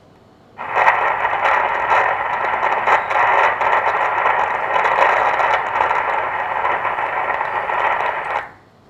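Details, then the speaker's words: Doppler ultrasound at the anastomosis of a normally functioning arteriovenous fistula, arteriotomy 2.5 mm, with marked aliasing. Loud continuous whooshing flow with pulsing surges, a high-flow signal with peak systolic velocity around 400. "so this is a high flow fissure the psv is around 400 so this is a significant psv so there's a broad broad uh complex"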